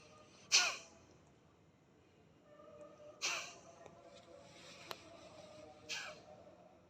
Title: Sneezing l Kapaalbhaati l Naadishuddhi Pranayama l Detoxification process